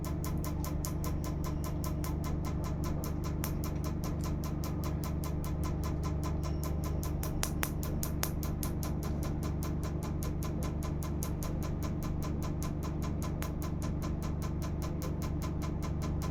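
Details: Live laser tattoo removal session: rapid, regular snapping clicks over a steady low hum from the pulsing laser device.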